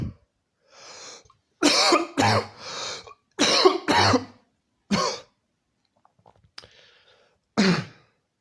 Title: 2 minutes straight of COUGHING!!!